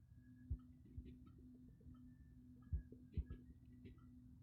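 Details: Stomach growling, captioned with coffee: irregular low gurgles and soft thumps over a steady background hum, ordinary borborygmi from gas and fluid moving through the gut.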